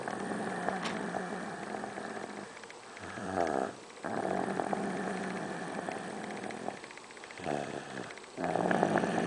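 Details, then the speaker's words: A sleeping child who denies snoring, caught on recording by his father: rough, rattling snoring breaths recurring about every four seconds. "See, dude, you snore. You snore."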